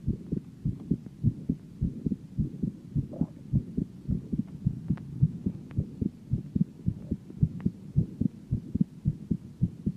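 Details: Heart sounds from a 17-year-old female: a steady run of soft, low lub-dub beats, regular rhythm throughout.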